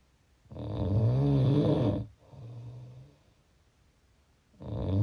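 Loud, low rattling snore on the in-breath, a softer sound breathing out, then the next snore beginning; ordinary snoring.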